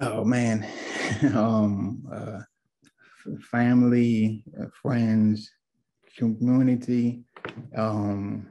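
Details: Adult male stroke survivor, two years after a stroke with multiple clots affecting the left brain, credits family, friends and community as helpful; aphasia (word-finding difficulty).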